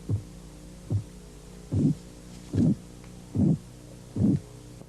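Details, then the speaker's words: Korotkoff phase 2 during blood pressure auscultation: regular thumps at about 73 a minute, the later ones longer, as the tapping is joined by a soft murmur or swishing sound. "Al comienzo de la fase Korotkov 2, el golpeteo está acompañado de un murmullo o de sonidos de crujidos."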